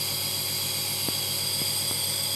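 Steady high-pitched mechanical whine with a low motor hum, the continuous running sound of a compressor nebulizer making mist.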